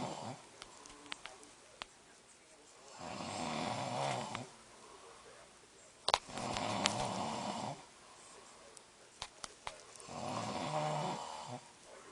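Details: Adult man snoring in sleep: three loud, rough snores, each about 1.5 seconds, roughly every 3.5 seconds, with faint clicks and quiet room noise.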